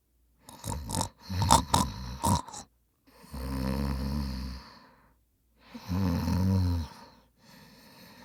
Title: Annoying Sounds & Noises. My Brother Snoring. What a noise. It Just Winds Us Up. Please Enjoy.